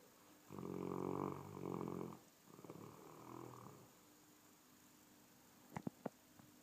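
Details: Sleeping large dog: two loud, rattling snores, a longer inhaled snore then a softer one, with faint clicks after; ordinary dog snoring.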